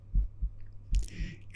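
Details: Adult's own heart heard through a stethoscope whose earpieces feed a 3Dio binaural microphone, ASMR recording: strong low lub-dub pairs repeating steadily over a steady hum; normal heart sounds.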